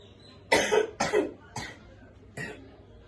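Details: Four short, dry cough bursts in quick succession, the last two softer; an acted cough from a pharmacy student video on kencur as a cough remedy.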